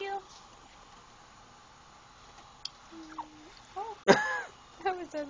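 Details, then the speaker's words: Infant hiccup in a baby boy recovering from illness, recorded after dinner: a sharp, loud hiccup with a brief squeaky voiced sound, faint adult voice in a quiet room. "You can hear him squeak. Your little hiccups make you squeak, don't they, buddy?"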